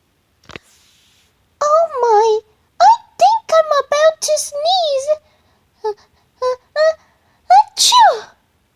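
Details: Pikachu, Jigglypuff and Lola: squeaky cartoon character voices build up and end in an exaggerated burst, an acted cartoon sneeze rather than a real one.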